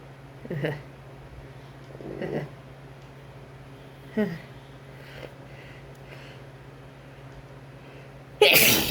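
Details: Induced sneezes from a man with a cold, itchy and snotty, while his partner blesses him: several soft breathy bursts then one loud sharp sneeze in a quiet room; cold sneezing.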